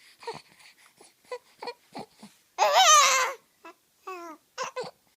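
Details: A baby girl makes short soft whimpers and fussy sounds, then a brief wailing cry with a couple of smaller cry bursts; infant crying.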